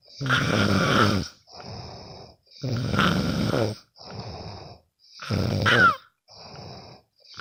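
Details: Loud rattling snores on each in-breath with quieter out-breaths, about 25 breaths a minute, recorded from a sleeping friend; ordinary snoring during sleep.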